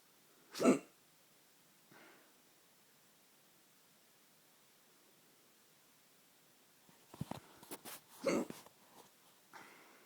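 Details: Late at night, sudden sharp gulping hiccups in a quiet room, separated by long pauses, with small throat noises between them.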